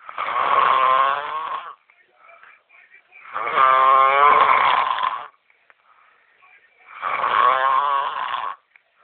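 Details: Boston caught snoring: three long, loud, rattling snores with a buzzing nasal tone, each about two seconds, with quieter breathing between.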